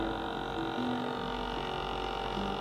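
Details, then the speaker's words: Homemade Arduino WEMOS D1 online digital blood pressure monitor: steady motor hum with faint whine as the pump runs after the button press, beginning to inflate the cuff. "sekarang kita tekan tombol ini untuk mengaktifkan pompa Lo denger ya untuk pompanya berjalan ini mansetnya juga sudah mulai bereaksi ya"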